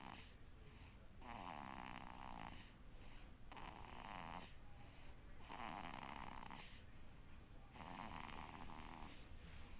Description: snores while he sleeps, he is just as bad as daddy!